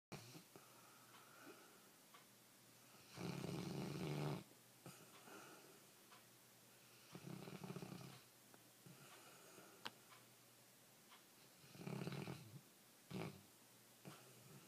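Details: Soft, irregular snoring breaths with a few louder rumbling inhalations in a quiet room: ordinary snoring.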